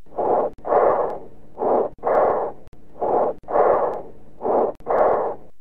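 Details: Teaching-cassette recording of breath sounds: loud, harsh, hollow breath sounds with a louder, longer expiration and a clear pause between inspiration and expiration: bronchial breath sounds.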